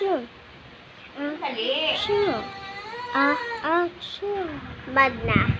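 Several short, rising and falling wailing cries with fussing between them, in a small room; an ordinary infant cry.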